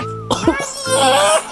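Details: A baby's cough: a brief, rough cough that sounds low and gravelly, like an old man's, breaking through steady background music.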